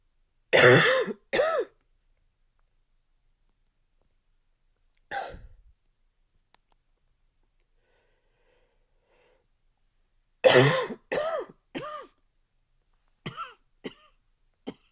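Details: An adult male's harsh, dry, barking coughs come in short clusters of two or three, with no wet rattle, strong enough to shake his chest; dry barking cough.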